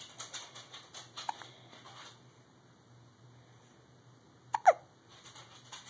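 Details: Infant boy, awake and alert and vocalizing a little, recorded at 5 a.m.: soft, brief catches of breath at irregular intervals in a quiet room; hiccups.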